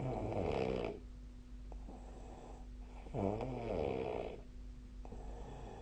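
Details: Loud, rough snoring on each breath in, with quieter breaths out between; two snore cycles in about six seconds, adult sleep snoring recorded with the SnoreLab snoring app.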